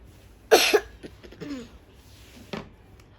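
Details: A child gives one strong cough burst, then throat clearing and a smaller cough; brief acute cough, which a parent attributes to drinking cold water, iced milk and ice cream.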